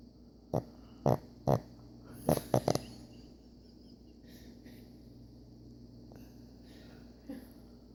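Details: Pug snoring: a run of six short, rough, snorting snores over about three seconds, then quiet breathing and one softer snort.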